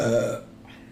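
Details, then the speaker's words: A person who says they can't stop burping gives a single short, low, throaty burp that quickly fades, with faint room noise after. "I can't stop burping."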